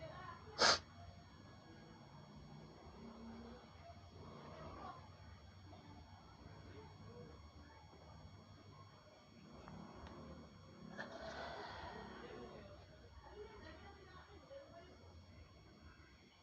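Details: One short, sharp sneeze burst near the start, then only quiet room noise with faint background sounds; sneezing.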